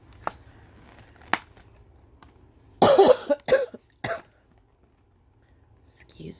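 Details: Cough from a person who has been sick: a short run of about four loose coughs in a quiet room, with faint speech before and after.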